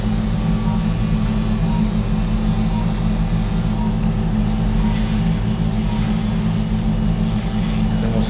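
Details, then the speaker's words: Arthroscopic burr in a right shoulder during acromion bone-spur removal (subacromial decompression), patient lying on side: loud continuous motor drone with a high steady whine while shaving bone. "we've got the shaver or the bur rather coming in the"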